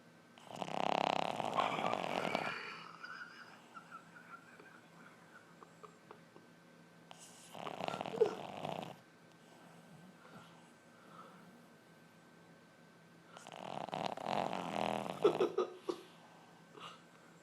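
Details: Loud snoring from a sleeper: rough, fluttering snores every six to seven seconds, with quiet breathing and faint room noise between them.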